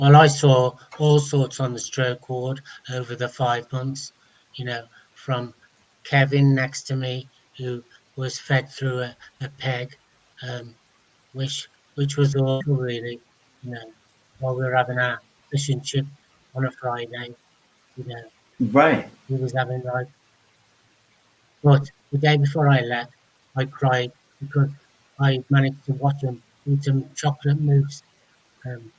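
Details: Adult man speaking; no speech disorder.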